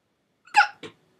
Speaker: oh i think i found out what i need to do for this video this is amazing just the quality of the hiccups